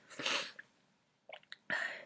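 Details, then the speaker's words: Girl trying to hold in a sneeze: a sharp, forceful sneeze burst, a brief sniff, then a second breathy burst. Acted, not a real sneeze. "Oh god, I have to sneeze. I can't hold it. I can't hold it. I can't."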